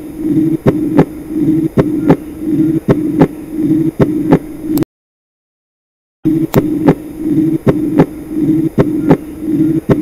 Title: Heart Sounds:Aortic Regurgitation